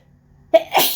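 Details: Single loud sneeze, a quick vocal burst then a hissing outrush of air, within an intense, uncontrollable run of repeated sneezes at the office on a windy day the sneezer links to pollen.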